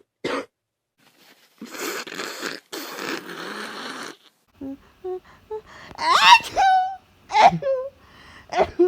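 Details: Someone with swab-confirmed influenza A: a harsh congested cough, then noisy nose blowing, sniffling and groaning, alongside a very runny nose, sneezing, high fever and body aches; cough.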